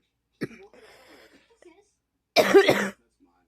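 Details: Adult with an awful cough; a faint throat noise, then one loud, harsh cough burst lasting about half a second.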